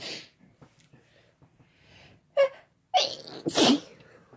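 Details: Sneezing compilation with female and male voices: soft background talk, then one sharp sneeze followed by two louder, explosive sneezes in quick succession; ordinary sneezing.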